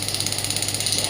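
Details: Pneumatic radial ESWT shockwave applicator firing at low intensity, about 4–6 bar, demonstrated on the operator's hand: rapid steady tapping buzz, about sixteen pulses a second.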